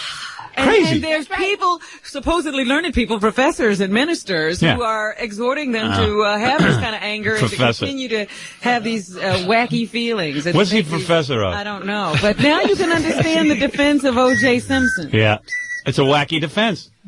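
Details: Adult men talking, radio studio; fluent speech.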